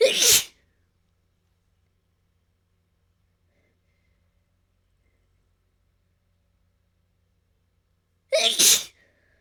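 Two loud, explosive sneezes about eight seconds apart with silence between them; sneezing.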